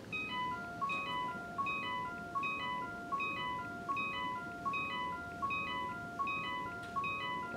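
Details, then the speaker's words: Heart rate alarm tone on a Fukuda bedside cardiac monitor: a repeating melodic beeping pattern, a more continuous alert shown with a red light on the monitor's light bar. "okay I'm gonna briefly go over the alarm settings for your bedside monitors and go over for instance with the heart rate for your heart rate alarm this will be the tone and light"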